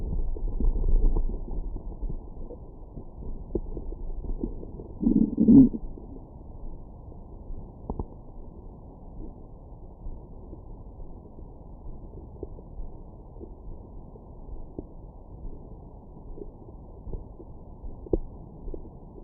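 Low muffled rumbling with one louder growl early on, then quieter faint gurgles; ordinary stomach growling after a meal.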